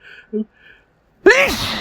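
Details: Sneeze triggered by a dusty closet in a person prone to stuck sneezes: brief soft catch of breath, a pause, then one loud forceful sneeze with voiced onset and noisy release.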